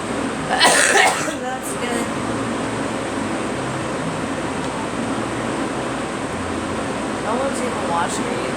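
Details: Girl coughing.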